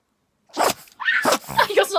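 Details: Several quick snorting sneezes close together from a female pet dog repeatedly sneezing; cause unknown.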